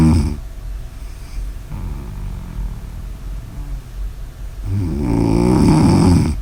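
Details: Snoring during sleep: loud, rough, rattling breath sounds building to a strong vibrating snore.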